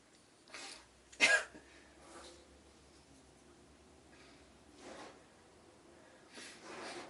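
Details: Person sneezing: one sharp, explosive sneeze after a short lead-in breath, then quieter sniffs and breaths in a quiet room; the sneezer then says they need to blow their nose; sneeze.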